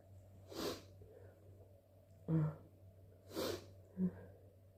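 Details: Three forceful, wet, induced sneezes with short inhalations and sniffs between.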